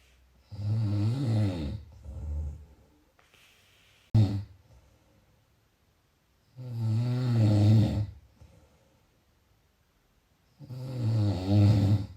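Loud, rough, fluttering snores on the breath in, about three in twelve seconds with quiet pauses between: snoring.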